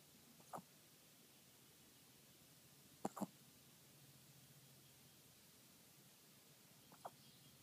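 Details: A 5-year-old dog hiccuping at 6 AM while trying to sleep: faint, sharp little hiccup sounds, three or four over several seconds, in a quiet room.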